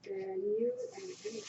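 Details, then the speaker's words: Speaker's own real mechanical ventilator during podcast recording: a brief humming, voice-like tone gives way to a soft airy hiss of ventilator breathing; mechanical ventilator breathing noise. "Hello everyone, my name is, and that noise you're hearing is my ventilator."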